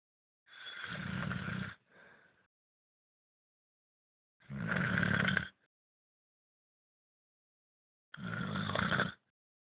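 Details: Three loud, rough snores about every four seconds, roughly 15 breaths a minute, with silence between them, from someone who claims not to snore: snoring.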